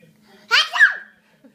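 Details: A single sneeze from a child in a quiet room: one short, explosive burst of air followed by a brief voiced, falling tail.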